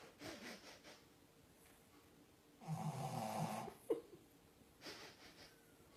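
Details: Snoring from Cooper, a French bulldog, heard while someone was working nearby.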